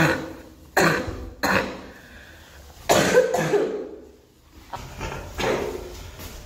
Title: girl coughing 4